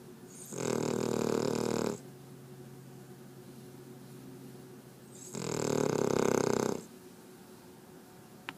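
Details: Loud snoring in a sleeping female dog: two long, loud, rattling snores of about 1.5 seconds each, with quiet breathing between.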